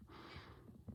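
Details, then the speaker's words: Nursing head-to-toe assessment, stethoscope diaphragm at aortic area, right second intercostal space: soft low lub-dub pair under faint hiss; normal first and second heart sounds. "So I'm going to take a listen. We're just listening for that lub-dub sound."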